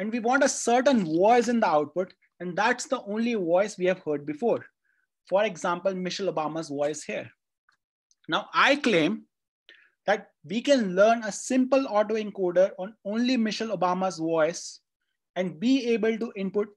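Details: Adult speaker; normal speech.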